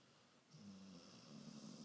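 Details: A soft, low, buzzing snore on one breath from a sleeping dog; snoring.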